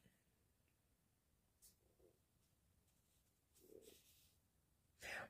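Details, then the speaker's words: Stomach gurgling (borborygmi) in an adult who has just eaten: two soft, low bubbling gurgles in a quiet room with light rustling. "le ventre qui gargouille pourtant je viens de manger mais ça gargouille encore"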